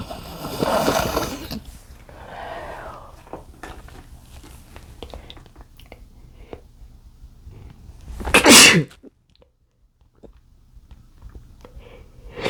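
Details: Male after inhaling chikni sneezing powder, trying to hold sneezes back: muffled breathy bursts, then one loud, sharp sneeze breaking through, quiet gap after; stifled sneezes.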